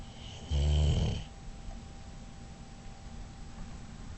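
A single loud, low, rattling snore lasting under a second, then quiet room noise. Dog snoring.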